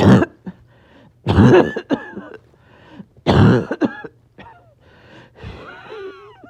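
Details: Harsh, deep coughing fit in someone slightly short of breath: runs of coughs in close succession, with throat-clearing between the back-to-back bursts.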